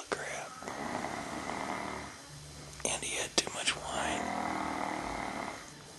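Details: Person asleep with drawn-out, rough, buzzing breaths of a fluttering, partly voiced quality and a few short snorts; snoring.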